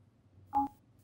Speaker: to perform the power test simply unplug the unit listen for the audible tone and plug the unit back in